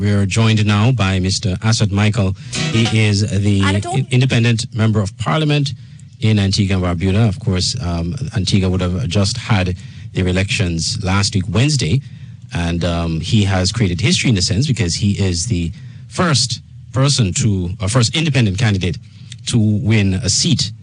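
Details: Adult male speaker; normal voice.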